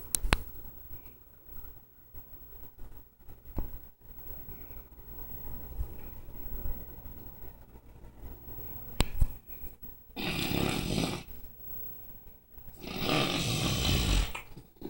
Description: He snores so loud I couldn't even go to sleep in the other room